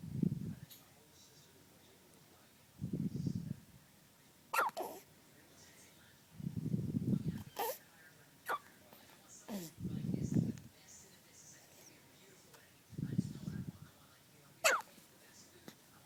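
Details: One-day-old newborn boy with repeated short abrupt hiccup bursts about every three to four seconds, soft room noise; ordinary newborn hiccups.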